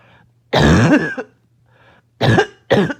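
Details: Choking, barking cough that started from an itchy nose and throat: three harsh barking coughs, one long and two short, with a strained choking quality.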